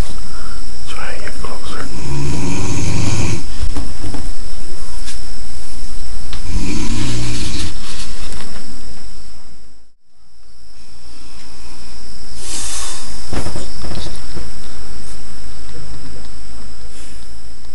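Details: Loud, low, rattling snores in slow repeated breaths with a brief dropout midway, from a senior who says he doesn't snore: snoring.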